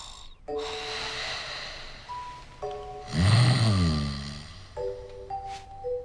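Acted snore from a TV drama: a loud, rough, fluttering intake over background music.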